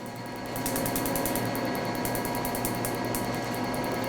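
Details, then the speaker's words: Picosecond laser firing during forearm tattoo removal, shown for firing speed and spot width: fast crackling snaps over a steady machine hum; ink turns grey with almost no bleeding. "Donc là vous voyez à peu près la rapidité du tir, la largeur des spots."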